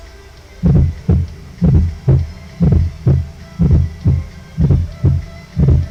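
Regular low heartbeats at about 60 a minute, each with a soft extra thump just before the first sound, giving a galloping rhythm: a fourth heart sound (S4).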